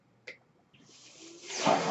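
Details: Ventilator noise heard in the background at the start of a podcast introduction; the speaker notes the noise is from his ventilator; real recording.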